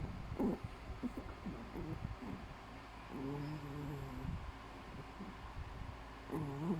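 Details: Chihuahua snoring while asleep: short rough breath noises, then a longer drawn-out nasal, tonal snore and another at the end.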